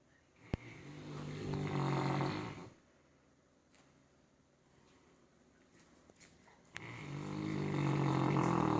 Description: Our St Bernard snoring after a rough day of knocking over the Christmas tree